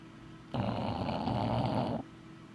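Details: Bulldog deeply asleep after a big day: one long, loud, rattling snore lasting about a second and a half over steady room hum; ordinary snoring.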